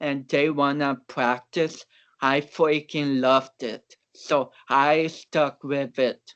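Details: Speech of a man of about 29 with cerebral palsy, an athlete and powerlifter whom doctors had not expected to walk or talk.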